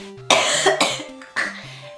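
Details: Girl who recently got really sick gives three sharp, loose coughs in quick succession, with soft background music; cough.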